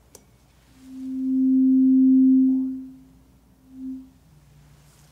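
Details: Tuning fork tone at a slightly higher pitch, moved between the ears, during a simulated ASMR cranial nerve exam hearing test: a steady hum swells and fades, followed by a brief fainter ring.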